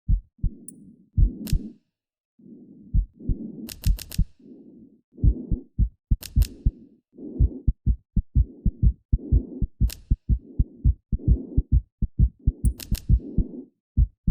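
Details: Heartbeat audio: low thudding heartbeats with a soft whooshing between beats and occasional sharp clicks, at roughly 60–70 beats a minute.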